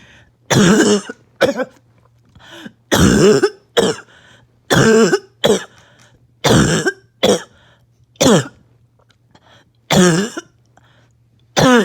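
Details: About a dozen harsh, hoarse, barking coughs in quick bursts with brief gasps between, while on strong medication with little chest pain; a persistent barking cough.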